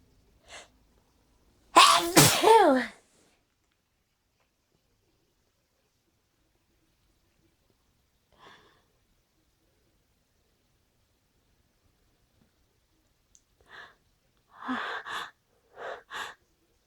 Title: Teasing sneezing